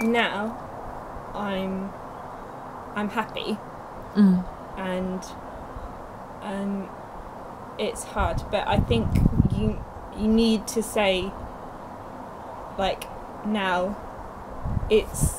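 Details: Young woman two years after a stroke at age 18, with Broca's aphasia affecting speech, reading and writing: Broca's aphasia.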